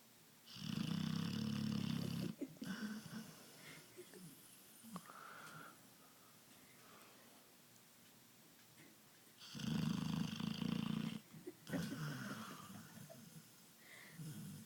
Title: Snoring pitbull